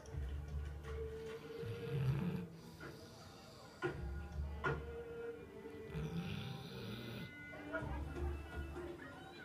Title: Snoring Dog